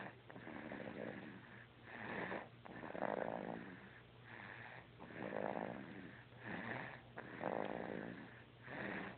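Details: Sleeper snoring: rhythmic rough snores on the in-breath with quieter out-breaths, roughly 13 breaths a minute, over a low hum.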